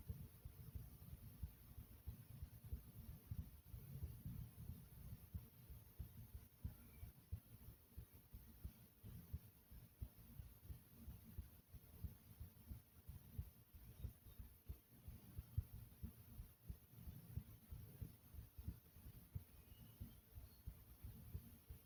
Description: This is the sound of my heartbeat from my chest.